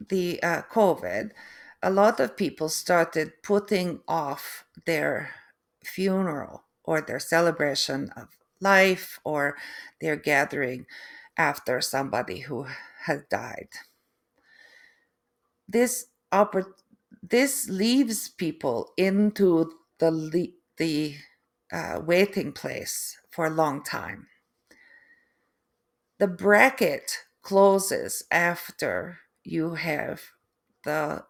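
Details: Adult woman after a stroke: aphasia with difficulty putting words together, apraxia of speech, and foreign accent syndrome beginning 3 months post-stroke; a third-generation Canadian, she feels she now sounds East European.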